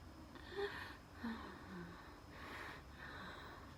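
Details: Wheezing during a night asthma attack with dizziness and chest pain: labored, noisy breaths with faint whistling tones.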